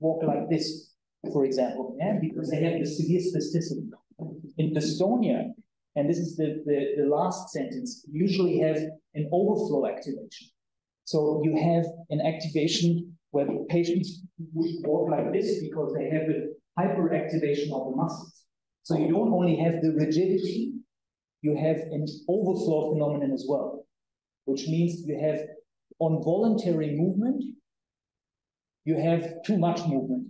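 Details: Adult male speaker lecturing; typical speech.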